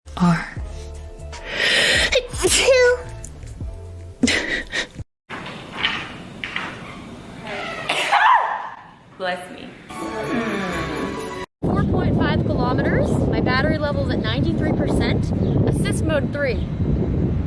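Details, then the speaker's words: Compilation of sneezes from five females, including a double sneeze: several sharp, explosive sneezes from different voices, mixed with talk, laughter and background music. Sneezing. "oh i sneezed but i didn't have to do anything"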